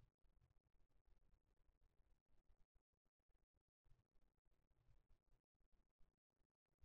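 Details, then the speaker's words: Korotkoff sounds heard by stethoscope over the cubital fossa during auscultatory blood pressure measurement: soft, low-pitched tapping thumps; cuff inflated to 155–160, reading about 105–110/60. "The examiner will raise the hand in the moment when she will listen to the first coronary cuff sound."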